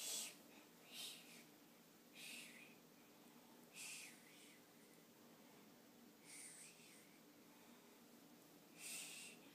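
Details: Girl pretending to snore while going to sleep: breathy, hissing snort sounds every one to two seconds with no deep rumble; imitated, not real, snoring.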